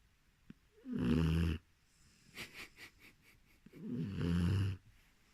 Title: Puppy boxer snoring